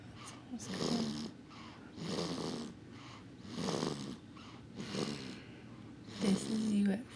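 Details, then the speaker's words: Soft, rhythmic, noisy breaths, about four in seven seconds, with a low rattling snore on each breath. A 4-week-old infant snores while asleep in bed around 2am, with a soft toy lying on top of him. "you at 4 weeks old, snoring in your bed with your monkey lying on top of you, and your elephant and your turtle."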